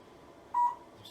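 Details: Single short, clear electronic beep over quiet room noise from a therapy laser moved slowly along the lumbar spine treating low back pain; laser device beep.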